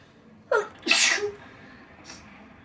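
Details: A wet sneeze: a quick voiced intake, then one loud, hissing, wet-sounding sneeze, followed by a faint breathy exhale in a quiet room.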